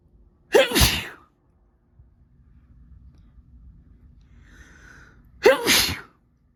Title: Spray sneezes